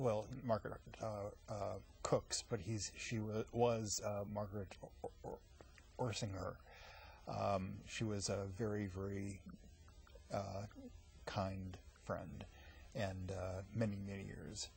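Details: Aphasia in an adult man after a massive stroke at age 39, 15 years earlier. He had eight years of speech therapy, twice a week, until he reached a plateau.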